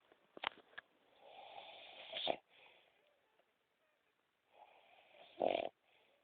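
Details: Adult woman snoring while asleep: two rough, rattling breathing noises a few seconds apart, each ending in a loud snort, on a quiet background.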